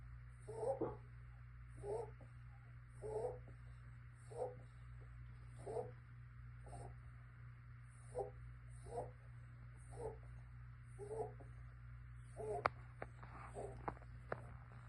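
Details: Six-month-old emaciated stray kitten (2.68 lb) with pneumonia, chest fluid, pancreatitis and suspected FIP. Breathing is about 49 times a minute, each breath a rough, wheezy, crackling noise, with machine hum behind.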